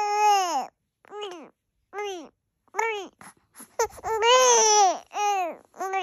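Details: Repeated rising-falling infant wails separated by short breaths, building to a longer loud cry; ordinary infant crying.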